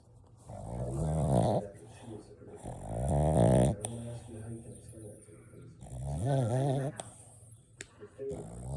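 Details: Deep, rumbling, fluttering breaths repeating every couple of seconds, with faint background talk; snoring.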